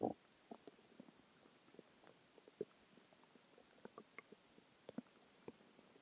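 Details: Normal bowel sounds (borborygmi) a few hours after a huge meal: soft, irregular gurgles and low rumbles scattered over several seconds.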